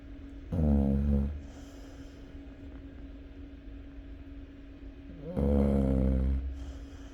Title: snoring of chow chow dog